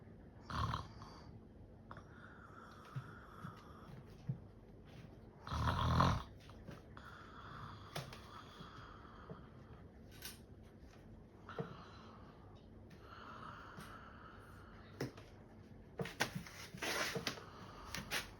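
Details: Man pretending to sleep and snore to distract someone: snorts and short, rough snoring noises among household sounds; imitated snoring, not real sleep breathing.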